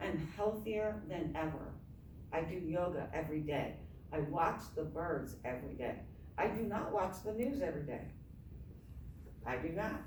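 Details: Adult woman with myasthenia gravis since age 7 (about 45 years), apparently without her custom palatal device; palate fails to close so air escapes through the nose during reading; hypernasal speech.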